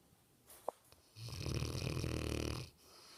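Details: Sleeping Mastiff: a single long, deep, fluttering snore on an inward breath after a quiet pause, with faint clicks beforehand; loud snoring.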